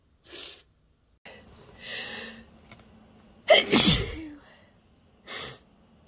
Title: A few short sneezes